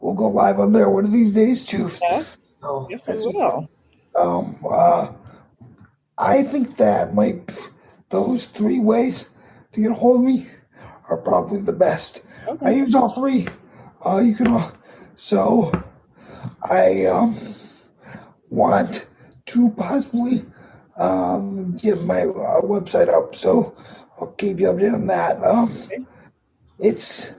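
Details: 22-year-old man with cerebral palsy affecting his muscles; he says tighter muscles make talking more difficult and that it is audible in his voice; dysarthria due to cerebral palsy.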